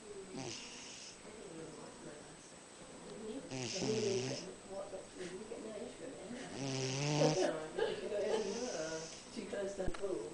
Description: Tobey is our big fat cat, with a hell of a loud snore!